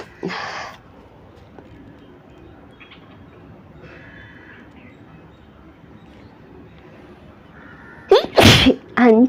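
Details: Sneezing with paper, from a 100-sneezes challenge: quiet room with a short burst near the start, then a loud voiced sneeze with a quick follow-up near the end.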